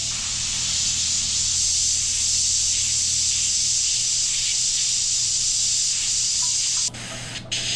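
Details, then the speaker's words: Continuous loud hiss of a dental air-water syringe spraying water onto a self-cleaning dental mirror under a microscope at six magnification for about seven seconds, then a brief drop; dental air-water spray. "and we'll go ahead and put a little water on our mirror and you really you really don't get any water staying on that mirror no matter whether it's a stream or it's a spray"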